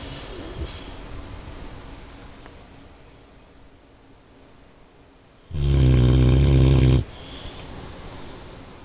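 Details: Quiet breathing noise, then one loud, rough, low snore lasting about a second and a half: snoring.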